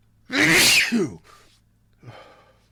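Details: Allergy-related sneezing fit: one loud, explosive sneeze with a sharp intake before it, then a softer trailing breath and a faint follow-up sound.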